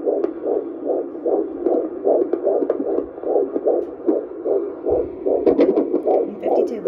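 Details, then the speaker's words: Fetal heartbeat on a Doppler at a 16-week obstetric appointment: rapid whooshing pulses at about 150 a minute. The mother had preeclampsia in a previous pregnancy and says she is not high-risk now. "baby sounds are great perfect okay y'all I made it out my appointment they only checked the baby heartbeat today"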